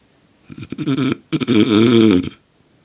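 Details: Adult man (father) sleeping soundly: two loud, rough, rattling breaths in a row, each about a second long; heavy snoring.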